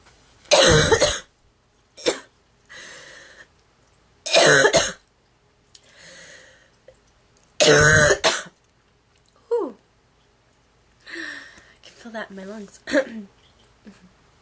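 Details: Girl coughing: three loud, harsh coughing fits with throat clearing and gasping breaths between; honking, goose-like cough.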